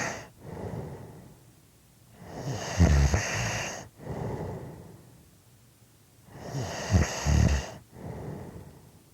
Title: Snoring Audio Clip 5 minutes